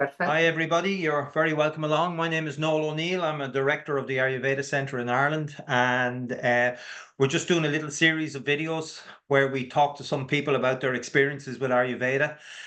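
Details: Adult male speaker; Normal speech.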